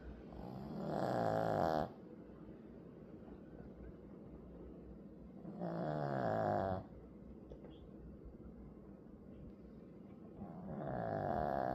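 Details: Sleeping dog snoring: slow, loud rattling snores, about 12 a minute, with quiet pauses between them.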